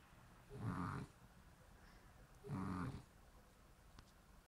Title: snoring shar-pei ( Poss -KAPI)